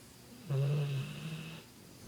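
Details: Sleeping Bullmastiff: a single deep, rattling snore of about one second in a quiet room.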